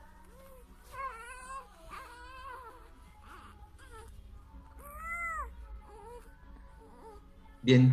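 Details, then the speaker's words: Cri du chat cry: thin, very high-pitched mewing infant cries resembling a cat's meow, the likeness owed to the cry's high pitch. "en realidad es porque es muy agudo el llanto y por ahí alguien dijo que se parecía un gato no si se escucha como un gato pero pero eso es más bien porque es muy agudo el yang"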